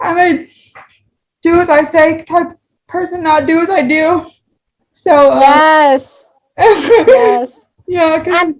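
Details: Woman with spastic cerebral palsy who says talking takes her longer; dysarthria (cerebral palsy).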